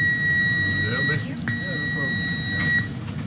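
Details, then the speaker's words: Hospital trauma alarm: loud steady electronic tone in bursts with overhead voices, announcing an incoming trauma (level one/two trauma or stroke, by ground or air), ETA ten minutes, in a hospital emergency department. "whenever the trauma alarm goes off there's a little bit of excitement everybody gets a little adrenaline rush after the alarm goes off"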